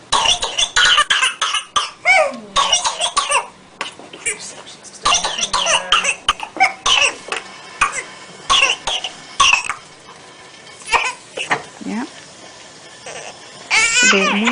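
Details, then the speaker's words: Young infant on oxygen with whooping cough (pertussis) in a coughing attack: runs of rapid back-to-back coughs with little breath between, then a high drawn-in whoop; paroxysmal cough, cyanosis possible. "Vamos a ver un video donde se ve a un lactante menor sufriendo de un ataque de tos por coqueluche."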